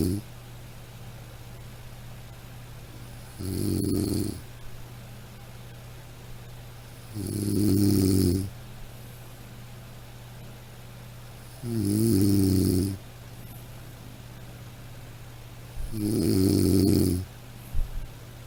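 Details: Sound-effect recording of snoring: four regular, rumbling snores, about 14 per minute, with quiet pauses between.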